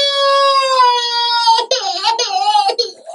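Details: Young child with a cold, being given children's pain relief plus multi-symptom cold medicine: a long, high wail falling in pitch, then short sobbing cries. Ordinary distressed crying.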